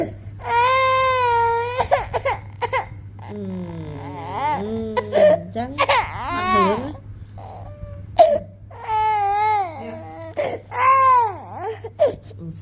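An infant cries loudly in long rising and falling wails with gasping breaths between, while adults talk nearby in a small room.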